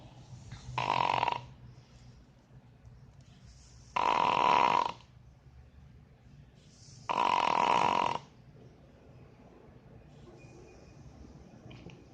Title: Snoring dog #1